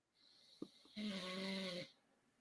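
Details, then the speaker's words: Snoring from a man asleep during a livestream: a single loud, buzzing snore about a second long, a low rattling tone on an inhaled breath, after two faint clicks in a quiet room. "I I I'll hang on for another minute or two if he pops back on but I guess we're wrapping this up yeah you can hear him snoring he's sleeping he's"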